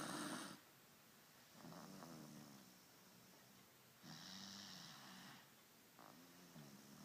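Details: A subject sound asleep, with rough, buzzing inhaled snores and hissing exhalations about every four seconds while her nose is handled to change the sound; snoring.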